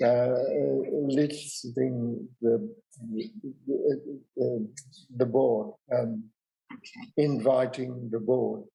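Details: 65-year-old man with non-fluent aphasia after a big stroke 10 years earlier, also unable to write or spell; real, not acted; non-fluent aphasia.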